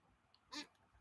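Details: Very old, somewhat plump cat sleeping in a quiet room gives a single brief, snorting, rasping breath: snoring, not stopping breathing.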